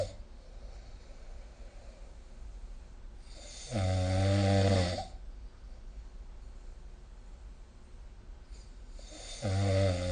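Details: Snoring during sleep, recorded with the SnoreLab smartphone app: two loud, low, rattling snores about five seconds apart over quiet room noise.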